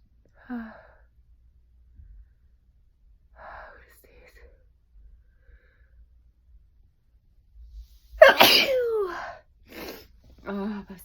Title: Inducing sneeze